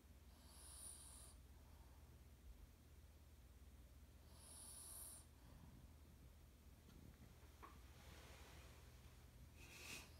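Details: Soft hissing breaths with faint snores about every four seconds over a low background hum; snoring.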